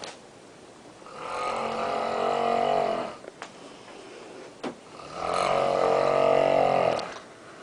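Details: Adult woman snoring loudly in her sleep in a hotel room, disturbing others nearby: two long, loud, rattling snores on the in-breath with quiet pauses between; snoring.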